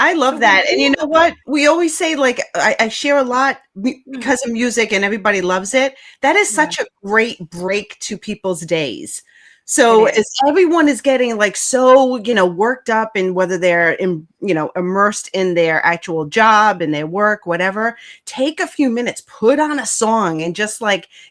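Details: Adult woman speaking; normal speech.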